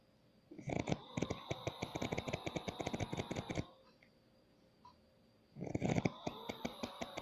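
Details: An adult man (a father) asleep: two loud, rapid rattling snores, each about three seconds, likened to a motorbike, separated by a quiet pause; heavy fluttering snoring.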